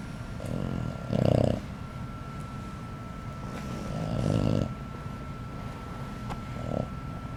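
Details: Heavy, rough snorting snores with a steady background hum; loud snoring.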